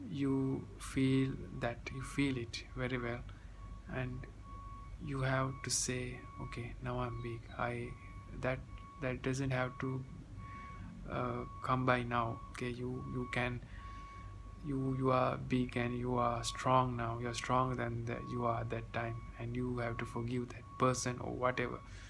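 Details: Stuttering in a 30-year-old man, present since childhood and now improving; part-word and word repetitions heard.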